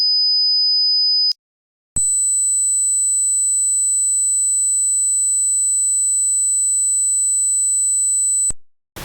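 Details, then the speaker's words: Simulated tinnitus: a steady high-pitched ringing tone, then a shrill tone layered with a low hum, illustrating sounds heard inside the ears or head with no external source. "Instead, the sound seems to come from inside your ears or your head. And it is not always just ringing. It can sound like buzzing, humming, clicking, or hissing sounds. Here are a few examples of what tinitus might sound like."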